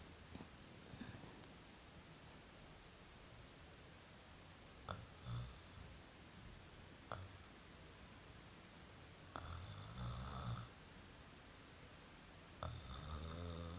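Quiet background with several short snorting and snuffling breaths spread out at uneven intervals. Light snoring.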